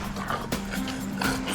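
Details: Bulldog with signs of brachycephalic obstructive airway syndrome (BOAS), struggling to breathe during walks, nasal surgery recommended; stertorous noisy breathing.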